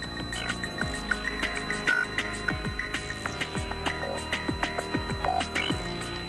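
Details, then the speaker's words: Simulation of the tinnitus of a man who had acoustic trauma after a nightclub night: a steady, thin high-pitched whistle under loud electronic music with a fast beat, heard day and night. "fou ce sifflement aigu que vous entendez est un acouphène un son insupportable avec lequel doit vivre Stéphane"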